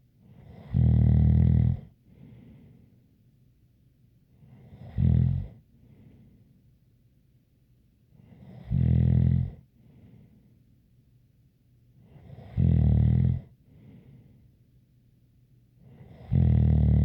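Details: Loud, rough snores on each in-breath, about 15 a minute, with quiet exhalations between and a light whistle; snoring.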